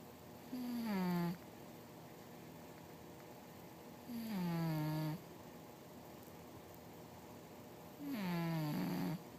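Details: Snoring during sleep, compared in loudness with the air conditioner: three drawn-out, falling, whistling snores at about 16 breaths a minute over steady room hum.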